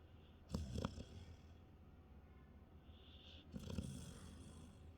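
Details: Sleeping animal snoring: two rough, low rattling snores on the in-breaths, a few seconds apart, over quiet room noise.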